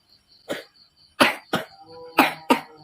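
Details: Child with sore throat, cough and cold, acted scene: five short, harsh cough bursts in under three seconds with faint tonal background noise. Cough.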